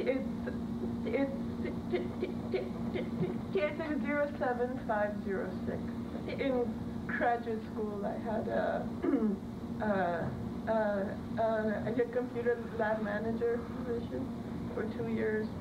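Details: Adult woman, recorded in 2006 before taking the McGuire speech management program, with word and sound repetitions and hesitations; stuttering.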